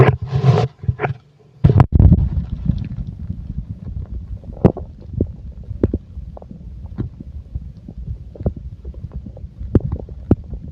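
Soft low rumbling with scattered gurgles and clicks, after a few louder bumps at the start: ordinary bowel sounds from a full stomach.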